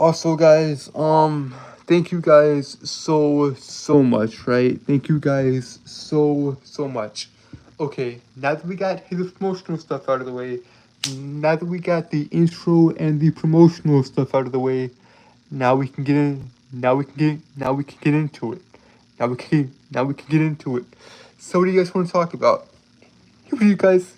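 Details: Man who reports a speech impediment causing him to stutter and trip over his words, with repeated phrases in this stretch; stuttering.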